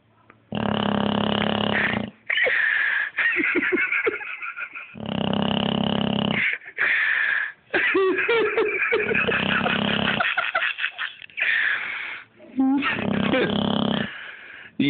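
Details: A Boxer dog snoring while dreaming in sleep: loud, drawn-out, rumbling snorts lasting one to two seconds each, some distorted by loudness, with brief pauses between; snoring.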